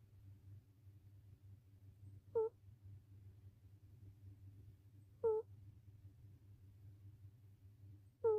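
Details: Sleeping rescue cat snoring rhythmically, low to high pitched: brief, fairly high nasal snores about every three seconds, roughly 20 a minute, over a low room hum.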